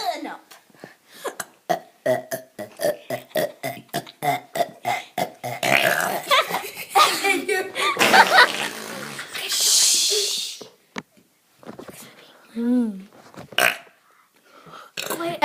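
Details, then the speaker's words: Child deliberately burping amid children's chatter and laughter: a long, rough belch partway through. "we have an orchestra of burping today don't we Drake and farts"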